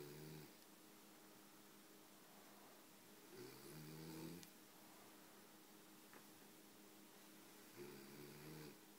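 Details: Man asleep on a sofa with a small smattering of snoring: soft, low buzzing breaths recurring every few seconds in a quiet room.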